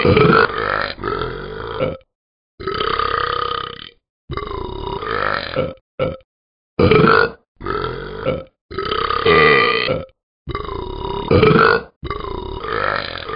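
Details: Burping from the animated game character Talking Ben after drinking champagne: a series of long, loud, voiced belches with brief pauses between them.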